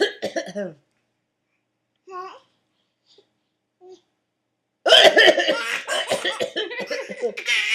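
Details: An adult man, a father, gives a loud run of repeated coughs while his baby laughs and coos at him.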